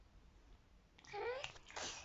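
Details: Baby making a short, voiced 'achoo'-like burst in a quiet room; an imitation sneeze the baby fakes, not a real sneeze.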